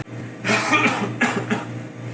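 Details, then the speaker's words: Acted cough in a fake cough-drop commercial, from a sick pizza worker who hasn't taken anything for the cough yet. "I haven't taken anything for that cough. No, not yet."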